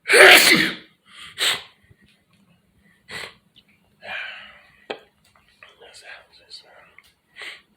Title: Living Room Sneeze Part Four #sneeze